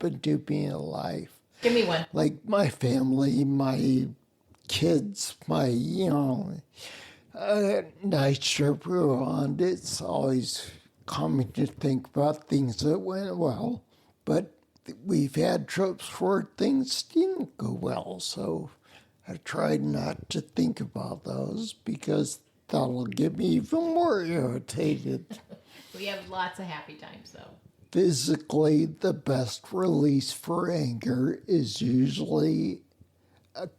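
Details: Ataxic dysarthria in a man with spinocerebellar ataxia, a rare neuromuscular disease, also with mobility problems; slurring sounds drunk and makes phone conversations difficult.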